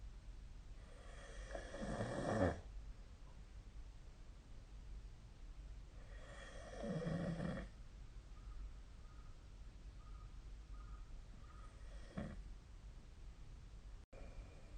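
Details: Snoring during sleep, recorded with the SnoreLab snoring app: rough, fluttering snoring breaths, about three in fifteen seconds, over steady room noise.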